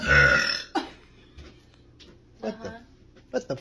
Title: Tiktok Girl Burp Compilation - 2